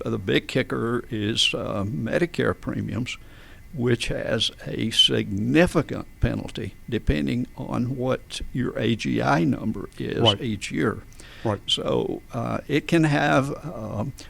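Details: Adult man with adductor spasmodic dysphonia since about 1999-2000, in which vocal folds spasm and slam together and don't release, so speaking takes extra effort and feels strangled; treated with botulinum toxin injections; adductor spasmodic dysphonia.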